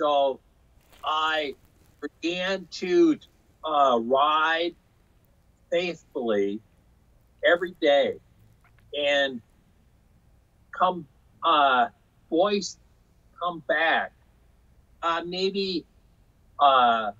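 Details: Aphasia in a man after a stroke in 2005 caused by hereditary hemorrhagic telangiectasia (HHT); told he would never talk again, he says he had or still has aphasia, talking being his hardest recovery area.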